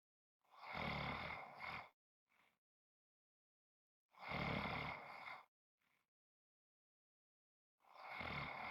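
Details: Typical snoring: loud, rough, rattling snores on each breath in with a faint sound on each breath out, about 16 breaths a minute.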